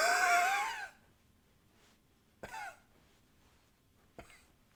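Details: Recorded with a new high-fidelity microphone: a short burst of voiced coughing or throat clearing followed by two brief dry coughs in a quiet room.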